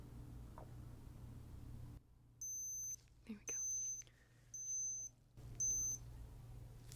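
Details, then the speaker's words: Simulated nurse's-office roleplay: four short high electronic beeps as an under-the-tongue digital thermometer finishes checking a student's temperature, reading a little high; digital thermometer beep. "let's check your temperature is it under your tongue okay come on why is it not beeping"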